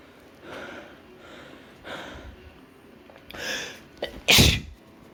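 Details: Boredom-induced sneezes, labelled (m): several breathy in-breaths build up, then one loud explosive sneeze burst near the end; sneezing.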